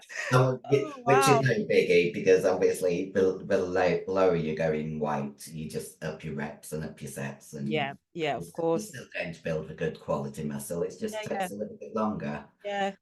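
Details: 56-year-old female bodybuilder with voice deepening after large-dose anabolic/male steroid use; she reports the voice changed from high-pitched to very deep and she can no longer sing; virilized voice.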